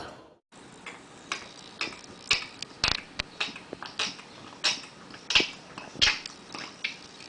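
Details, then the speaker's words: Cat retching before vomiting a hairball: repeated wet, clicking gulps and heaving sounds. "을 펼 수 바로 고양이가 구토하는 소리였습니다"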